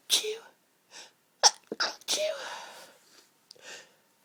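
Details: Allergy-related sneezing from a tickling sensitive nose: several breathy build-ups and false starts with short muffled bursts; stifled and half-stifled sneezes.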